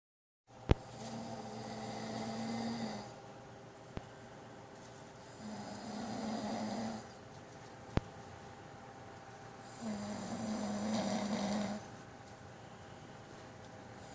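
Three long, rumbling inhalation snores about every four seconds, roughly 15 breaths a minute, with faint clicks and steady room hum between.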